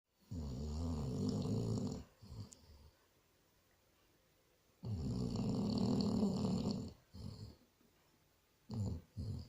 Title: SNORING BASSET HOUND